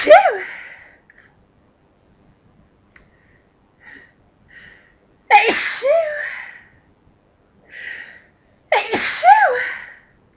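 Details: Forceful sneezing fit, louder than normal sneezes, that felt incredible: three loud sneezes with sharp explosive onsets, separated by quiet pauses and a few soft breaths.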